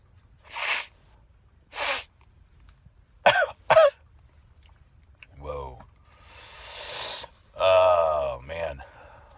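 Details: Several sharp, hissing sneezes induced by cayenne pepper, some with a voiced catch, mixed with throat noises in a quiet room.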